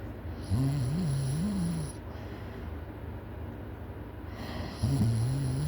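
Loud, buzzing, wavering snore on two breaths, with steady room noise between them.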